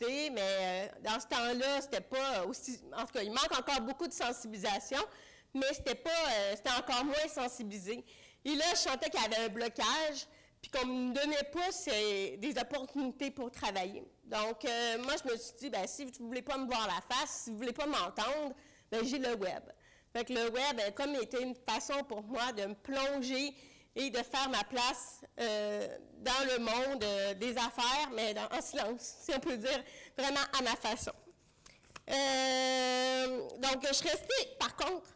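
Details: Deaf speech in French from an adult woman with congenital bilateral severe-to-profound hearing loss; she used a hearing aid for 30 years and recently got a cochlear implant.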